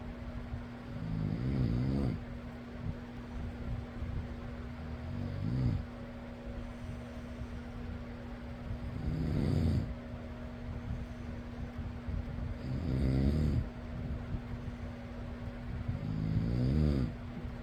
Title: fan noise + person snoring.